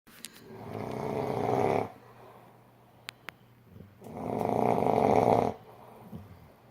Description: My friend was snoring louder then I have ever heard anyone before.